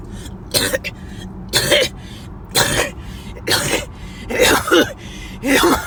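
About six harsh, forceful coughs in quick succession over car noise, a coughing fit.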